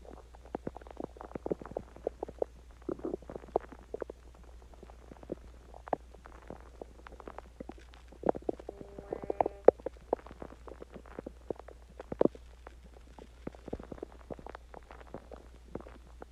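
Scattered gurgling clicks and a brief squeaky rumble over a steady low hum; stomach growling after eating.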